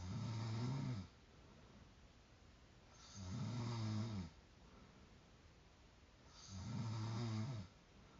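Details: Loud, low, rumbling inhaled snores about every 3 seconds with quiet breathing between, from a sleeper who says their own snoring wakes them; typical snoring.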